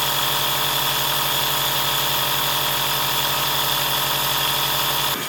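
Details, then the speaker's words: Compressor nebulizer running during a 20–30 minute breathing treatment for a guinea pig with pneumonia and nasal discharge: steady mechanical hum with fast low pulsing and hiss. "So then just connect that to the nebizer. Switch that on. Hold that there."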